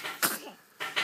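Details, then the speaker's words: An infant sneezing in sleep: two quick, soft sneezes. "아이가 자꾸 재채기하네."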